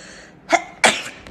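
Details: Two quick, sharp bursts of air in succession, the second louder: a pair of small sneezes.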